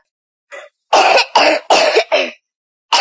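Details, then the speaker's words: Croup: a quick run of harsh, loud barking coughs, like a dog's bark, from a child, a cough that causes breathing difficulty and disturbs sleep. "ممكن تكون كروبي كاف او تشبه نباح الكلب وتكون تكون الكحه صوتها عالي سبب ضيق في التنفس وتضايق الطفل خلال النوم"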